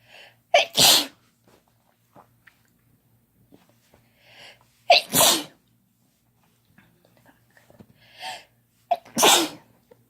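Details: Three sneezes from a couple using chhinkni (sneeze-inducing snuff), each a quick inhaled 'ah' then a forceful explosive burst, a few seconds apart, in a quiet room.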